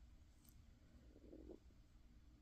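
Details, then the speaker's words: Tummy rumbling and grumbling picked up during a crochet tutorial on a humid day: bowel sounds (stomach rumbling). "I do apologize if you can hear my tummy rumbling and grumbling and"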